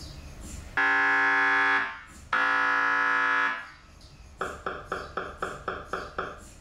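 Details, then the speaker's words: MRI scanner noise at a children's hospital, as heard during an exam: loud, steady electronic buzzing tones, then rapid rhythmic knocking pulses about four a second. "MRI machines make many noises. They can sound like this."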